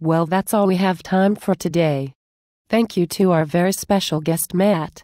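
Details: Adult woman; fluent speech.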